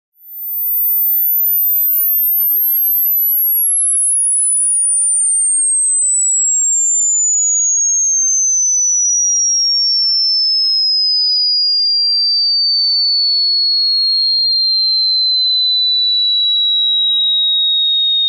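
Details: Simulated tinnitus: a single steady, piercing high whistle that slowly glides lower in pitch.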